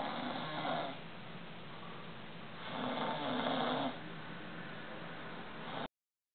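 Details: Two coarse, rumbling snores with a soft breath between them, over steady room noise; snoring.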